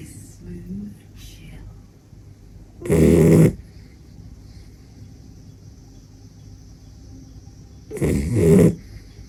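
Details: Sleeping small dachshund gives two loud, rattling snores about five seconds apart, with quiet breathing between; dog snoring.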